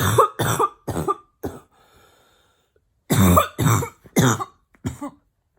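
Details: Female voluntarily attempting a barking cough with her mouth closed; the coughs are hard and she finds it hard to keep her mouth shut. Simulated barking cough.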